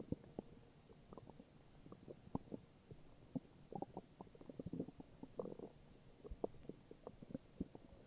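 Irregular low gurgles and rumbles over about eight seconds: stomach growling, the ordinary sound of gas and fluid moving through the gut.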